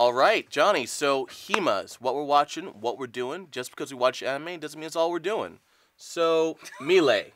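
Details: Adult speaker; plain speech.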